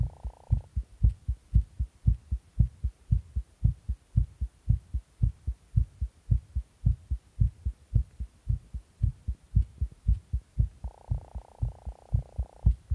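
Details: Tachycardia after stimulant use: fast, regular thumping heartbeat at about 115 beats a minute, with a steady hum at times.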